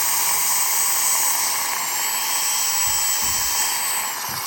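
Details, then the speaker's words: High-speed dental drill whine with a slight pitch drop under load: a fine red-stripe flame diamond bur in a female patient's crown preparation, taken 0.2–0.3 mm below the gum line to form a margin without cutting tissue. "I'm going to drop this down about 0.2 to 0.3 below the gum line and this doesn't cut the tissue it gives you a nice margin"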